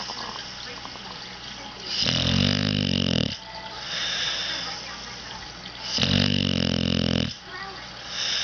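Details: Pet dog (pup) snoring: loud, buzzing, vibrating snores on each breath, two about four seconds apart, with softer exhalations between; regular snoring.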